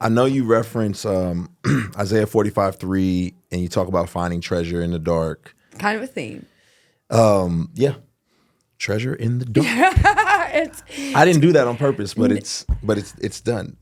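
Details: Adult male speaker; normal speech.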